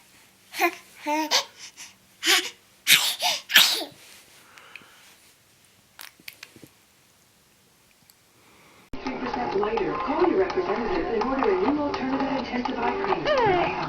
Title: REALLY CUTE BABIES sneezing little sneezes